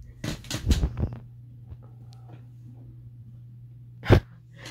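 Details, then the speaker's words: Pet dog asleep indoors: a quick run of snorting, snuffly snores, then one more snort after a pause, over a steady low room hum. "so well that's my dog snoring if you can hear"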